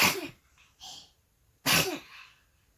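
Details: Baby who sneezes every morning, recorded in the morning: two forceful, hissy expulsive sneezes with a softer breath between.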